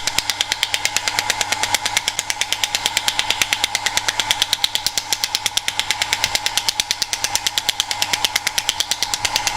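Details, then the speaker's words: Radial shockwave therapy device on the lower lumbar muscles, targeting only the two muscles to relax them, briefly demonstrated: rapid steady stream of sharp clicking taps. "And then you target the whole area a number of times in the way that you've seen it. And again, you're targeting only the muscles."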